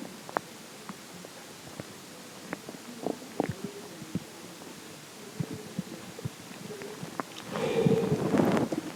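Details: Stomach growling: soft gurgles and pops swelling into a longer rumbling growl near the end, from gas and fluid moving in the gut.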